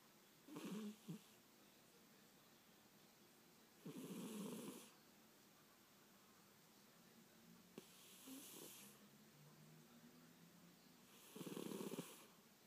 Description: Clip of the cutest cat asleep and snoring